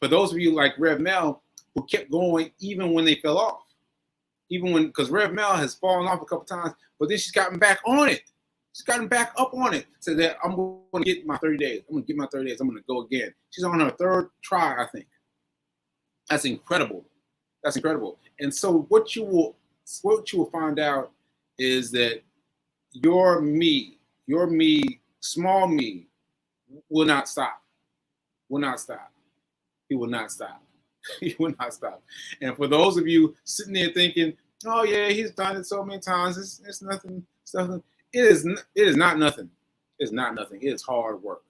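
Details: Post-stroke aphasia in an adult man, stroke on 7/14/22, recorded 7/4/23 about a year into recovery; he says aphasia still makes everyday tasks difficult; aphasia.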